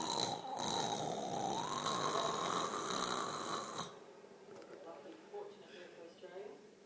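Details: Person asleep on a couch, doing this for 3 months: a loud, rasping snore of about four seconds, then quieter clicking, chirp-like "gecko" noises and sleep talking.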